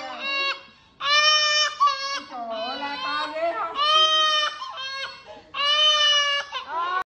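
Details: Infant boy gives loud, high-pitched screaming cries in repeated bursts while getting a vaccination shot: infant crying in pain.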